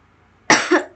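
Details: Single sharp, dry cough from a person who says they are unwell with a sore throat, weak voice and coughing throughout a recorded presentation.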